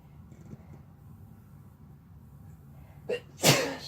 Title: Sneezing while Laying on each other (F+M)